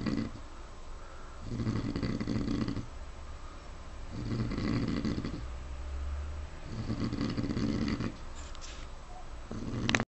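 Slow, regular low rumbling snores, about one every two to three seconds, from a sleeping pig.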